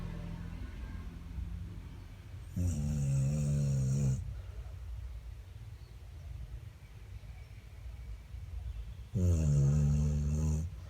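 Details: Dog snoring like a human: two long, low, rumbling snores on the in-breath, separated by a quiet stretch of breathing.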